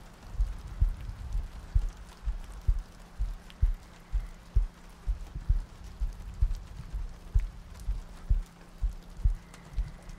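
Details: ASMR sleep-aid recording, not a clinical one: soft, regular low heartbeat thumps at about 64 a minute with faint rain in the background.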